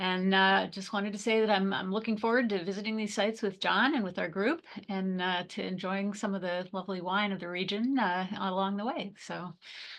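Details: Adult woman speaking; normal voice.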